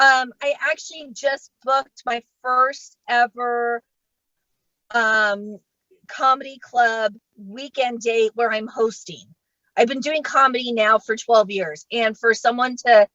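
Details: Adult female comedian who states she stutters and does not fake her stuttering, real stuttering in a live comedy set; stuttering.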